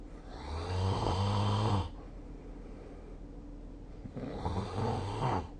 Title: 🐽 本日のイビキ / Snoring Sleep Sound 2024/12/21